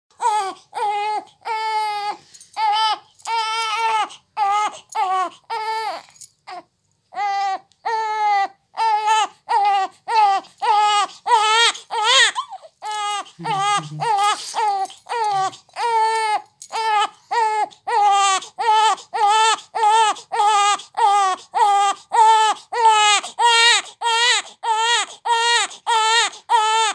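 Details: Infant hunger cry: rhythmic, insistent crying in short repeated bursts from a baby wanting to feed at the breast.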